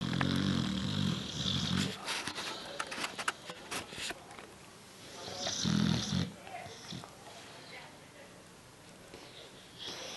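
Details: Ca de bou (rare breed) dog in very deep sleep, snoring with low rumbling snores in two clear bursts and quieter breathing between; tongue being gently pulled out during sleep.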